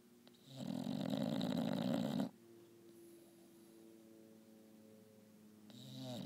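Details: English bulldog snoring during a nap: long, loud, fluttering snore on the in-breath, then a quiet whistling out-breath before the next snore.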